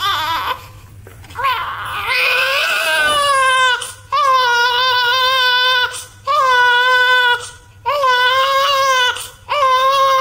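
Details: A newborn baby boy cries loudly and rhythmically in repeated long wails separated by brief breaths; a typical healthy-sounding newborn cry.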